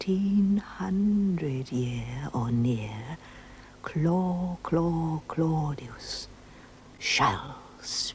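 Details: Stuttering (imitated), acted by a performer as a prophetess in a 1976 television drama, mocking a character's stammer with repeated syllables.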